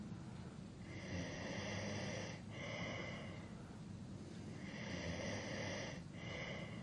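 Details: Adult male snoring during sleep, from a long sleep-aid recording: rough, fluttering snore through each breath with brief breaks about every three and a half seconds.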